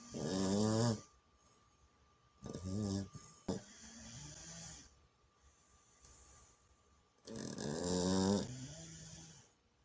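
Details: Snoring from a sleeping chow puppy: three loud, fluttering, buzzy snores spaced a few seconds apart, with quiet breathing between them.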